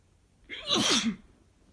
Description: More allergy sneezes from my boyfriend